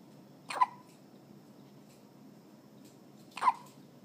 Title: Evp hiccups